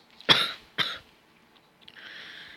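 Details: Two short, sharp coughs in quick succession, followed by a faint breathy sound; a plain cough.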